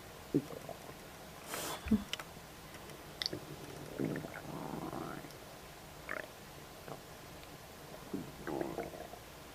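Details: Stomach rumbling just after eating a snack of ribs: scattered gurgles, squeaks and low rumbling bursts in a quiet room, ongoing bowel sounds after a meal.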